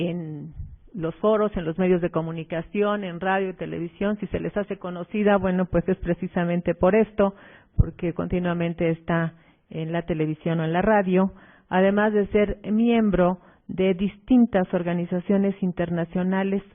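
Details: Adult speaker; normal voice.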